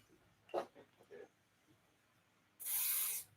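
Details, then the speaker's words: Aerosol numbing spray on a restless rabbit's ear before tattooing (thought to be a doe, turned out to be a buck): faint handling sounds, then a hissing spray burst of about half a second. "i bet it's a doe usually their does when they're crazy we're gonna put some numbing spray in"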